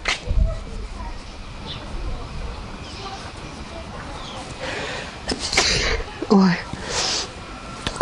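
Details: Allergy sneeze in a person with allergies; noisy room sound, then a sudden sharp burst with a voiced catch near the end.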